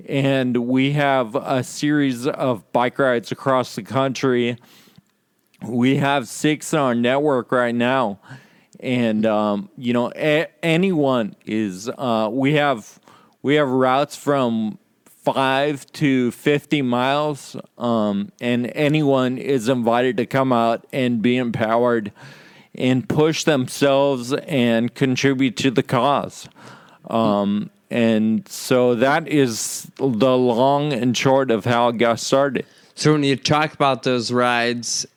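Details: Adult with Friedreich's ataxia, in which slurred speech is a stated symptom; ataxic dysarthria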